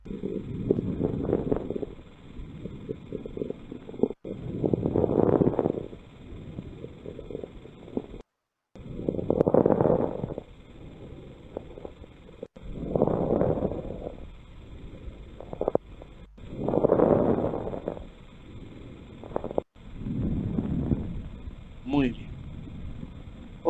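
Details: Pulmonary fibrosis case in a teaching session: fine, Velcro-like inspiratory crackles, with apparently nothing heard at the tracheal site.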